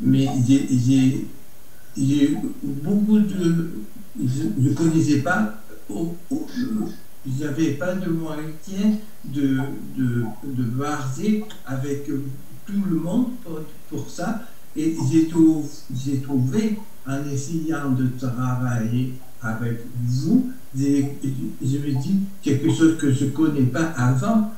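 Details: Adult man with Broca's aphasia after stroke, aphasic for about a year, who says he speaks very badly; Broca's aphasia.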